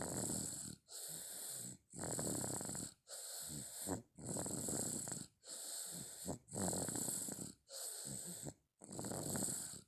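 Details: A small boy snoring: loud, rough, rattling snores at about 26 a minute, each breath in and out fluttering noisily, with brief pauses between.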